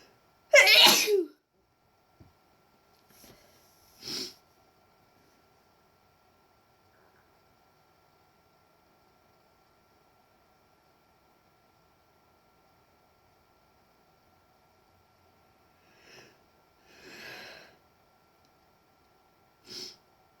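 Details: Person deliberately inducing sneezes: one loud sneeze, then softer sniffs and small sneeze bursts separated by long quiet stretches in a still room.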